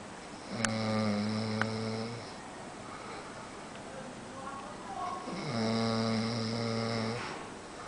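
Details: Adult man (roommate's boyfriend) asleep in a small room, two long, loud, buzzing inhalation snores with quieter breathing between; snoring.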